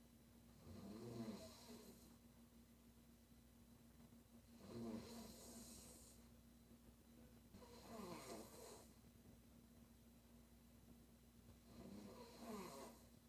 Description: Crazy Snoring noise😨 she is really crazy